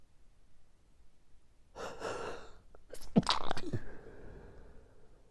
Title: Morning Allergy Sneezing Fit